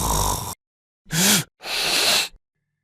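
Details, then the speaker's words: Animated explainer on snoring and obstructive sleep apnea: harsh, rattly snoring breaths broken by brief silent pauses as the airway fully obstructs and breathing stops; snoring with obstructive sleep apnea. "the throat to vibrate this vibration is the source of the noise we hear when someone is snoring sleep apnea happens when the airway is completely obstructed no air can go through and the person stops Brea breathing"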